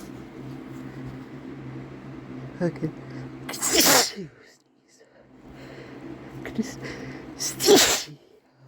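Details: Man's two forceful sneezes, each with a quick in-breath and a loud explosive burst, over steady room noise; fresh sneezes from one of several sessions.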